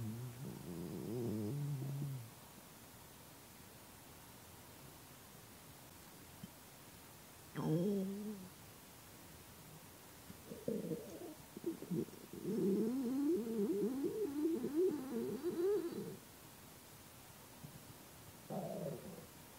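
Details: Tummy ASMR recording of an empty stomach after a long time without food: gurgling, bubbling abdominal rumbles in several bouts over a steady background hiss, hunger borborygmi.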